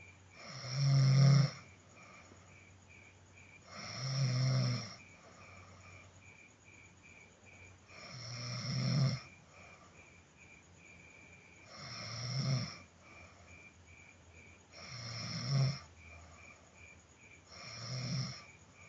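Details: Person snoring: loud rattling snores on each in-breath, about six in nineteen seconds, insect chirps in background.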